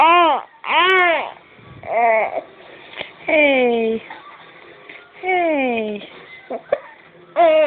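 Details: Infant with hiccups crying: repeated high, tonal wails rising and falling in pitch, with short pauses between.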